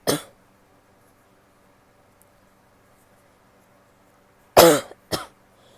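Three short, harsh coughs separated by a long silence in a quiet room; an ordinary cough.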